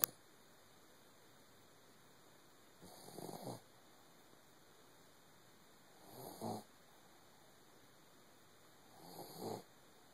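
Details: Soft, short snores, about 18 a minute, over a steady background hum from a sleeping Doberman puppy.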